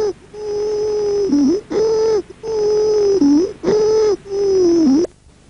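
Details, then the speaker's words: Laryngeal stridor from upper airway obstruction, a dry adventitious sound that is mainly inspiratory, heard on respiratory examination: a loud, high-pitched musical noise over repeated breaths. "otro spector seco característico es el de la obstrucción de la vía aérea alta conocido como estridor laringe o escúchelo a continuación"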